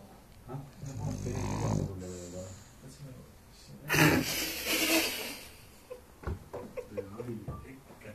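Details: Sleeping dog snoring: rough, rumbling snores with a loud snorting breath midway and a quiet voice nearby.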